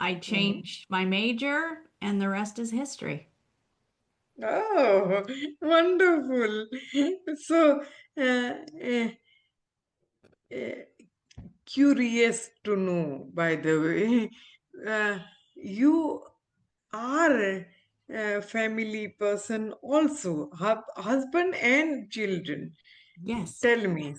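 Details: Adult woman, former ophthalmologist, with aphasia after a stroke, still recovering speech with speech-language therapy; real patient; aphasia.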